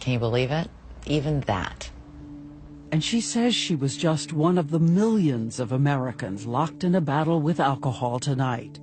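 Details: Adult narrator; normal speech.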